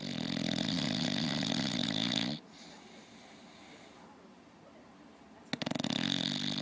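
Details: Loud, rough, rattling snore from an English Bulldog sleeping with one eye open, stopping abruptly about three seconds then resuming; dog snoring.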